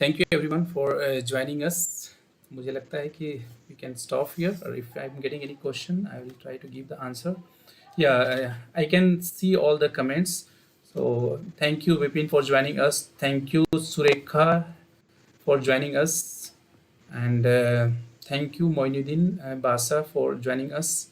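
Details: Adult man speaking; Typical adult male speech.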